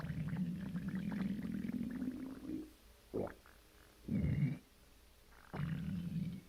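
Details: Stomach growling (borborygmi) right after a bowel movement: long, low rumbling growls with squeaky gurgling bursts in between, loud and sustained.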